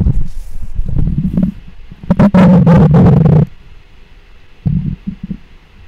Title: Mic Up Stomach Growls 2